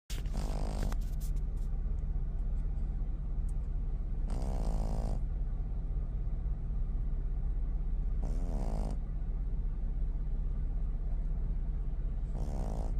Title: Pug pup snoring. #pug #animals #snoring #snore #sleep #puglife